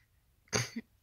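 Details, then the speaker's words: Adult, almost 32, with Tourette syndrome whose tics have worsened over time, untreated by choice: a single abrupt throaty grunt-cough with a short voiced tail; involuntary vocal tic. "I get a lot of questions about um the noises that I make or why I roll my eyes a lot or about my tics cuz people don't understand what my tics are or why"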